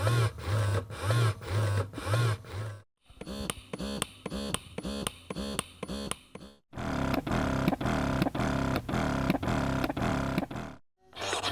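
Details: Conventional breast pumps running, compared with a silent wearable pump: three stretches of rhythmic mechanical pumping, about twice a second with whirring pulses, separated by short silences.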